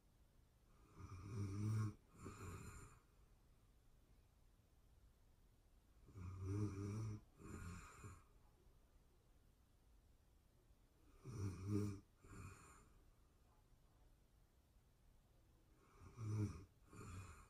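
Regular snoring, about 12 breaths a minute, each a rough vibrating snore in two parts, in a quiet room.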